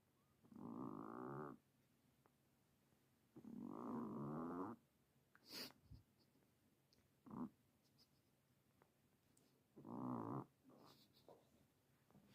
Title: Our #10yearsold #just adopted #himalyan #cat #snoring #snoringcat #allthetime